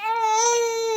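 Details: A baby boy's steady, clear, high-pitched hunger cry held about a second. He is crying because he is hungry while his mother bathes, and his father, who has no milk, urges him to cry louder to call her.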